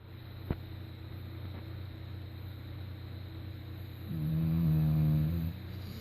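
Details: One buzzing, vibrating, low snore on the in-breath lasting over a second, against steady room hum: snoring.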